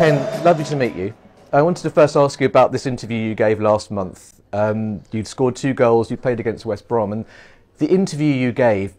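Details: Adult male interviewer; normal fluent speech.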